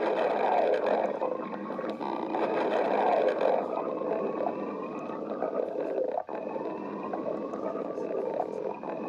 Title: Cassette girl stomach growling